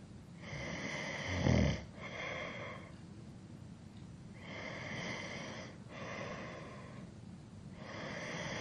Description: 3 hours of a male snoring to help You sleep better at night.